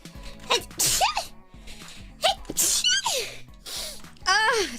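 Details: Compilation of VTuber streamers' sneezes: a run of separate sharp sneezes from different voices, some ending in a squeaky vocal tail, over light music; sneezing.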